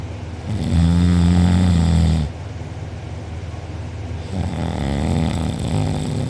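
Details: Person asleep with mouth open, recorded by a sibling, drooling; afterwards reports a sore uvula and soft palate. Very loud, deep, vibrating snores with rougher, noisy breathing between them. Heavy open-mouth snoring.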